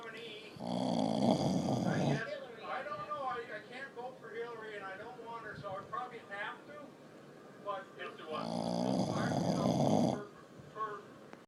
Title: snoring